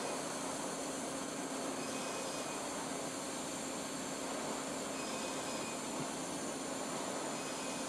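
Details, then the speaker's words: Edge 1 fractional CO2 laser facial treatment of acne scars in a live educational demo. A steady loud rushing hiss with a faint hum comes from the cold-air blower used to ease the patient's discomfort during the laser passes. "So here we're going to focus on the acne scars. And there's going to be some cold air that's going to help with the discomfort and also..."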